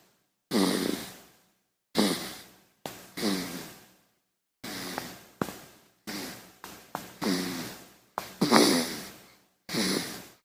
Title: Baby Snoring | Sound Effect HD